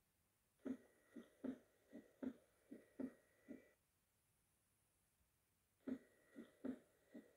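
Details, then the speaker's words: Diaphragm at the mitral area, patient supine. Regular heart sounds near 75 a minute with a sharp snap early in diastole, higher pitched than S2 and mimicking a split S2. Opening snap of mitral stenosis. "opening snap is heard as a snap early in diastole higher pitch than s2 so it can easily mimic a splitted s2 it is caused by the sudden opening of stino's to metal wall with left atrial contraction"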